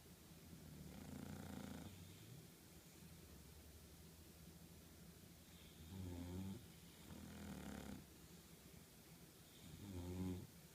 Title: Snoring Bulldogs